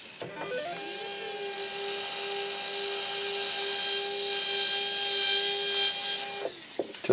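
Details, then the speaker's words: Steady high-pitched motor whine for about six seconds: a 1.2 mm surgical pilot drill preparing one of six maxillary osteotomy sites for SATURNO narrow diameter implants in a demonstration. "so now I've completed my 1.2 mm pilot drill for all six of my osteotomy positions"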